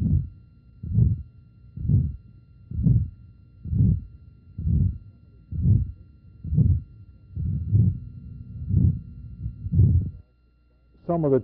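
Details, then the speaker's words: Aortic stenosis in a 57-year-old man, likely a calcified bicuspid valve: regular heartbeat about 62/min with a harsh crescendo murmur at the second right interspace, radiating to the neck, clavicle, shoulder and elbow. "of this murmur this murmur goes up into the neck you can hear it out the bony clavicle you can frequently hear it at the shoulder tip and sometimes you can hear it down on the tip of the elbow"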